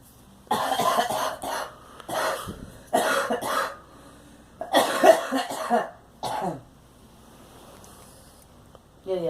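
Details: A girl coughs in about five harsh bursts, some run together in short bouts, separated by brief quiet pauses in a small room; repeated coughing.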